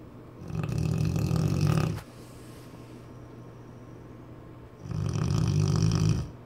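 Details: Cane Corso dog snoring: two loud, low, rattling snores on the in-breath, separated by a quiet pause.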